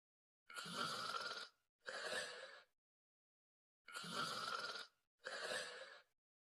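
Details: Two people sleeping and snoring: loud, rough breathing sounds in pairs, each about a second long, separated by pauses; snoring during sleep, not gasping.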